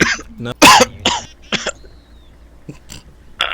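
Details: Repeated coughing fit during video gaming: several harsh, explosive coughs in quick succession with short gaps.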